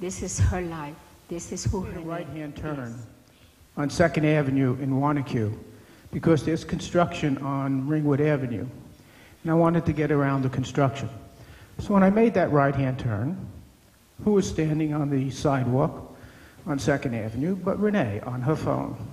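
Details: Adult man speaking; normal speech.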